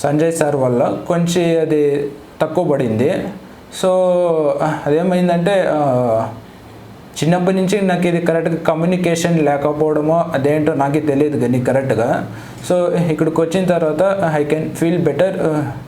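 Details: 23-year-old man who has stammered since childhood, with a complaint of non-fluent speech, in a speech sample recorded before speech therapy; stuttering.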